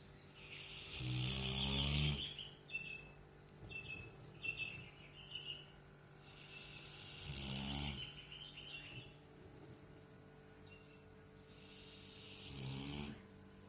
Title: Snore girl